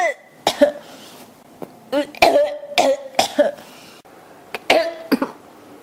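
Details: Persistent cough in an adult, Japanese speaker who says the throat feels scratchy today: repeated harsh coughs and throat clearing, about eight bursts in six seconds, in a quiet room.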